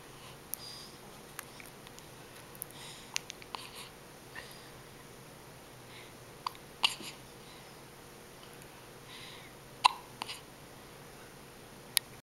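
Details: A smiling baby hiccupping: soft, quick catching clicks, about 20 a minute and somewhat irregular, in a quiet room.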